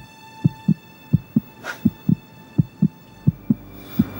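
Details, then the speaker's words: Regular paired whooshing thumps of a fetal heartbeat on an ultrasound monitor, played in a TV drama scene (simulated). "Bence de biraz da sesini açar mısın Kalp atışların duymasını istiyorum dünyada duyup duyabileceğim belki de en güzel ses"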